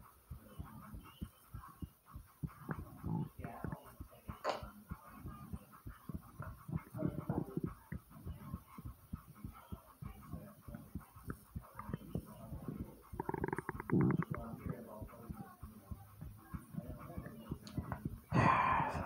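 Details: Fast, thumping heartbeat right after walking up 5 flights of stairs, mixed with gurgling stomach noises and handling rustle; a rapid heartbeat after exertion.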